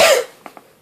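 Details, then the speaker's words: Adult recently ill with a bad sinus infection and flu, with an irritating lingering cough that won't let go. One harsh cough burst fades out, then two faint short throat sounds. "I had that hor a horrible cough too like that little you know that irritating cough that just won't let go um I'm trying not to cough right now"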